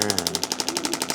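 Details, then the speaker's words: Radial shockwave therapy on the lateral leg of an adult chiropractor who has recently increased his running, pain about 4–5/10: fast, even mechanical tapping at about 13 pulses a second. "And today, I am getting treatment from Mike. Hey, everybody. Mike's sending you some shockwave on kind of my lateral leg down here."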